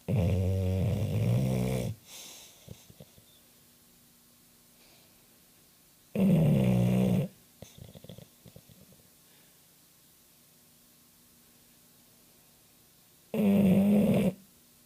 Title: Diez snoring